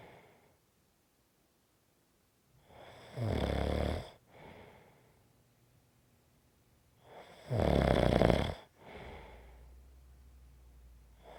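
Two loud, rough snores on breathing in, each followed by a softer breath out, in a quiet room.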